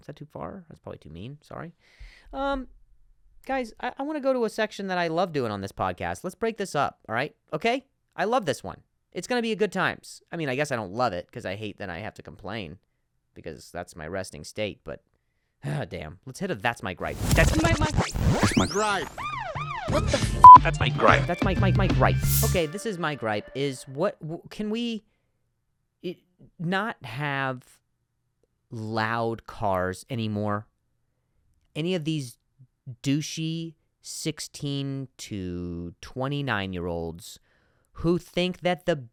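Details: Stuttering in an adult man who stutters, hosting his own podcast.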